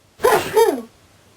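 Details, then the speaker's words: Simulated sneeze by an animated cartoon character, using a Roblox sound effect: a single short, explosive burst with a sharp onset that trails off. "Thomas, what happened? >> I don't know, but I was sneezing today."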